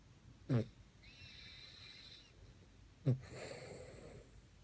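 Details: Sleeping dog: two short nasal snorts, each followed by a soft whistling breath, breathing noisily through the nose.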